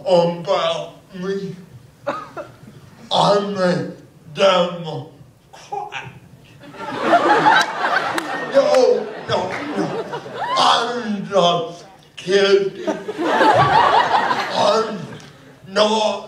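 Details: Adult male comedian with cerebral palsy who says he talks slow; dysarthria (cerebral palsy).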